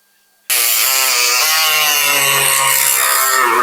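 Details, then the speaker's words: Loud, harsh, high-pitched power-saw whine that starts abruptly and holds, pitch dropping under load, as the oscillating saw makes the perpendicular distal femur cut in a revision hinged knee replacement; oscillating bone saw. "The first cut, we are going to take it perpendicular. So now we see that this is going to take cuts on both the sides."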